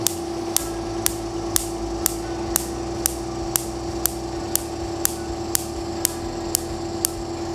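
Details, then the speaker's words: Fractional laser scar treatment on a natural scar with the Duality Signature 8mm DF handpiece at low repetition rate: sharp, evenly spaced snaps about twice a second over a steady device tone; this snap is the desired amount. "so that snapping sound I hear is perfect it's the right amount of snap definitely not the same type of snap that you would hear with laser ta"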